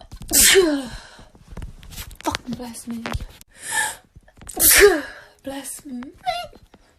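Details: Two loud, explosive sneezes from a compilation of TikTok sneezing clips, each with a sharp intake before it and a few soft voiced sounds between them.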